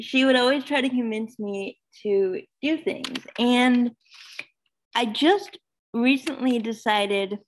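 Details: Adult woman, almost 32, with cerebral palsy who says talking is hard for her and that her disability shows as soon as she speaks: dysarthria (cerebral palsy).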